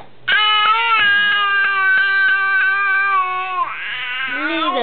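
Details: Infant with gas being burped by patting; a sustained, high-pitched wailing cry held for several seconds, then breaking into fussier sounds; infant cry.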